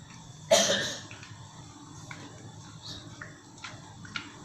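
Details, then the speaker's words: One loud cough burst over quiet room noise, then faint small sounds, from a woman patient being treated for cough, aches and headache attributed to exhaustion. "Ini saya lagi nangani pasien sakit batuk sama greges."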